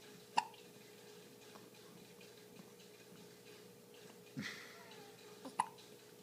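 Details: Nine-day-old with hiccups: two sharp, brief hiccup sounds about five seconds apart over quiet room hum.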